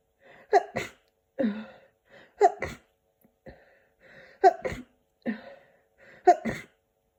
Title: Send me some tissues! Sick cold sneezing